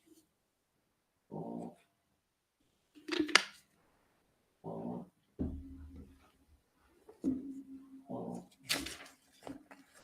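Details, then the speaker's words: Sleeping dog snoring: short, buzzy bursts about every three and a half seconds in a quiet room. "And you can hear Sid snoring."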